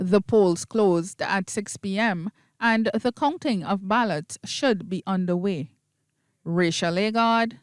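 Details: Adult female news reporter; Normal speech.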